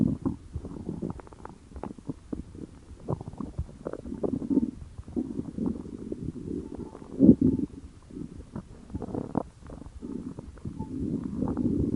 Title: Stomach Growling